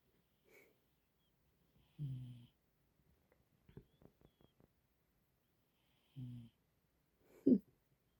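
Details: Sleeping pet cat snoring peacefully: soft, short nasal snores about every four seconds, with faint clicks and breathing between, in a quiet room; snoring.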